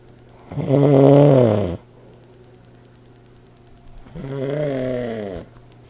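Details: Old man snoring, recorded on an iPod speaker recorder: two loud, drawn-out, vibrating snores on the in-breath separated by quiet; ordinary loud snoring.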